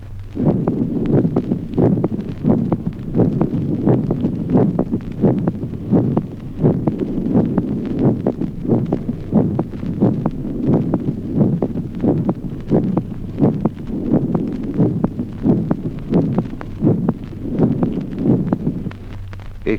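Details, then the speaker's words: Young person's regular heartbeat with a soft, low extra sound after the second heart sound: a physiological third heart sound (S3) of youth. "Ejemplo 19. Tercer ruido cardíaco audible como hallazgo fisiológico en la edad juvenil."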